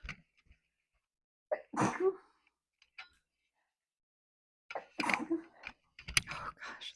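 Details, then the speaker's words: An adult woman sneezes two or three times in quick succession while cooking, triggered by peppery spices, with the mic held away; each sneeze is a sharp, explosive burst of air. "Sorry. I held the mic away from me. Hopefully you didn't hear that. Yeah, it's peppery enough. It just made me sneeze."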